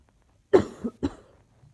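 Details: Cough.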